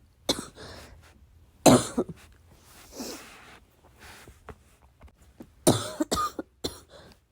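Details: Coughing fit in the middle of the night, trying not to cough too loud: bursts of muffled, held-back coughs, about five to six, with throat clearing between.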